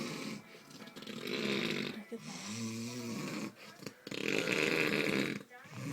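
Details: Human sleeper with very heavy snoring gives loud, harsh, rumbling snores over successive breaths, some with a vibrating buzz; snoring.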